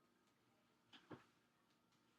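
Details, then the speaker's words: Two quick, hollow percussion taps on the back of the chest during a lung assessment, after symmetric tactile fremitus; resonant chest percussion, a normal finding. "hear resonant sounds on each side"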